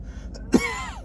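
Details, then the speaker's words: Adult man's habitual, unnecessary voluntary cough or throat clearing: a single short, deliberate cough with low room noise behind it. "I cough all the time, unnecessarily. Sometimes I'll just be talking to someone, and when I'm done with the conversation, I just get"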